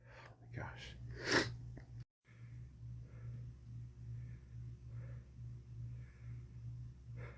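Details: Man with a common cold, part of a week of cold progression; one forceful sneeze, then a series of short nasal sniffs, with a steady low hum in the room.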